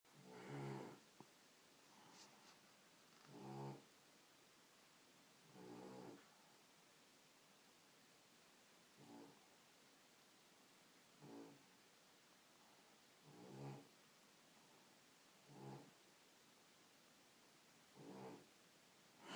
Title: Loudest dog snore ever